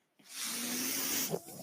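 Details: Steady airy hiss of about one second ending in a soft click, heard between spoken phrases as the speaker's own mechanical ventilator delivers a breath during a podcast recording; mechanical ventilator breath cycle.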